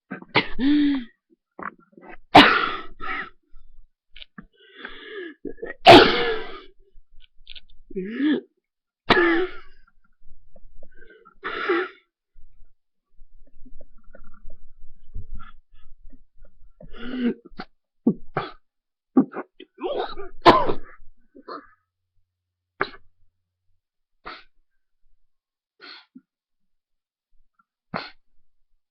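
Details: Repeated harsh cough bursts with retching, gagging and throat clearing, irregular and separated by pauses, attributed to airways giving way; cough with gagging.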